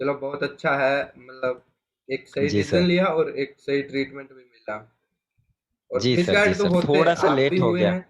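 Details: Adult man speaking Hindi; normal adult male speech.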